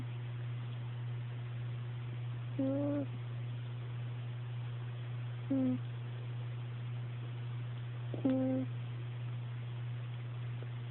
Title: snoring kitten